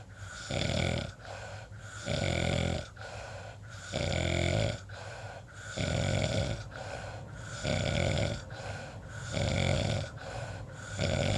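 Steady, coarse snores on each breath in, roughly 17 to 20 breaths a minute, with softer breaths out between them. Ordinary snoring.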